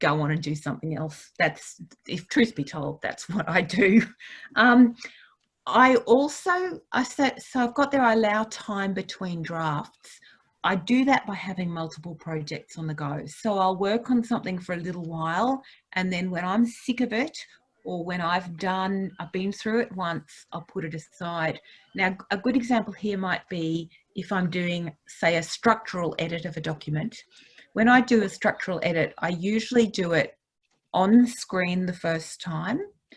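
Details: Adult woman speaking; normal speech.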